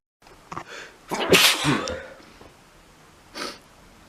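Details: Repeated sneezing, a brief inhale, then a loud explosive sneeze and a smaller second sneeze a couple of seconds later.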